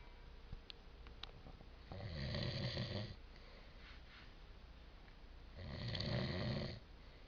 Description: my dad snorz like a growling dog